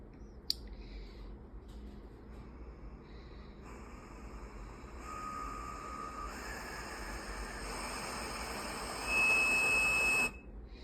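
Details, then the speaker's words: Hamilton T1 ventilator flow sensor self-test during pre-op checks, no patient attached: hissing airflow rising in strength with whistling tones, then a steady beep as the test passes. "So it's going to amp up the flow, and it's going to check for volumes and pressures so that we know that when it's on the patient, it's actually picking up that the patient is having high pressure alarms. It is a little more whistly than the old one."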